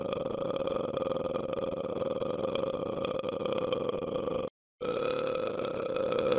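A long, steady, droning belch with a brief break; prolonged burping from a sound-effect recording.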